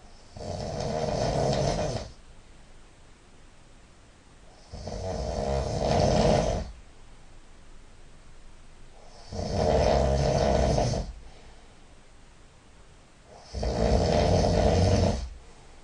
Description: Turned on my side, snoring nasally